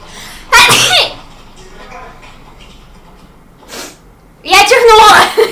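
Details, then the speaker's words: Girl announces she is about to sneeze while filming: a single sharp, explosive sneeze, followed by quiet room sound and then talking. "О сейчас чихать буду как обычно снимаю видео и хочу чихать что это значит"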